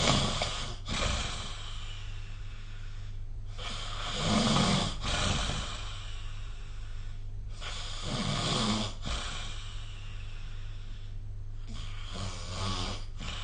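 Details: Loud, rough snoring on each breath in, about one breath every four seconds, low background hum; ordinary snoring recorded with the SnoreLab app.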